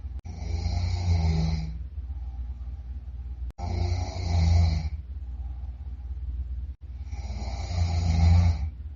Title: Loud Snore 26